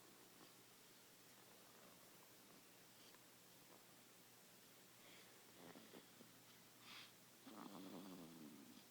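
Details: Child asleep in a car seat: quiet room hiss, a few faint noisy breaths, then a louder rattling snore near the end; snoring.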